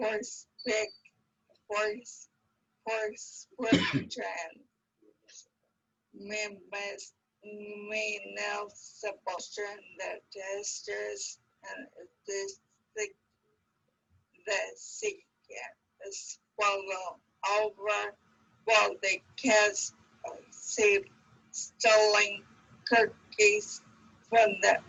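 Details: 60-year-old woman, a teacher, nine years after onset of primary progressive apraxia of speech, first misdiagnosed as conversion disorder, unable to work for four years, no aphasia: primary progressive apraxia of speech.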